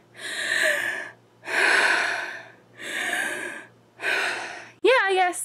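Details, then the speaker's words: Woman with asthma flaring, which she attributes to IVF medications including Lupron, normally a cougher rather than wheezer: four loud rushing breaths with a faint whistling edge, a slight wheeze, not so bad. "a little bit of a wheeze there but not so bad"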